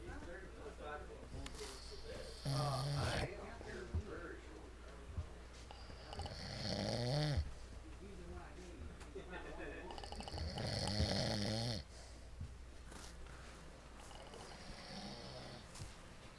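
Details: Three rough, snorting snores on breathing in, about 14 a minute, over steady room hum; ordinary snoring while taking a break before night-time activities.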